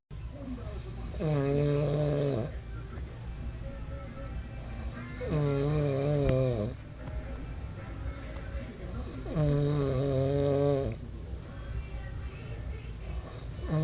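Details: Man snoring: three long, tonal, vibrating snores about four seconds apart, roughly 15 a minute, over steady room noise; snoring.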